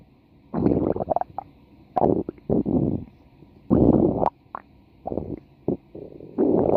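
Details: Irregular gurgling and rumbling bursts of bowel sounds from a female, part of a 4-minute stomach-growling recording; ordinary stomach growling.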